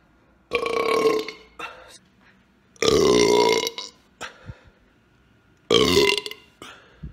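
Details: Three long, loud, voiced belches with brief gaps between them, a burp series.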